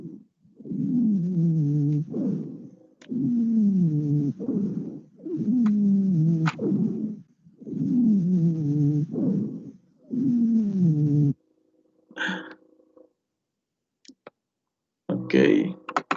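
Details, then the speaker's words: Five long, musical, falling whistling sounds with each breath, about 27 breaths a minute, followed by brief noises, attributed to air passing through narrowed airways: wheezes. "os ruidos se dice que tienen un origen por una deformación en las vías aéreas que se encuentran estrechadas"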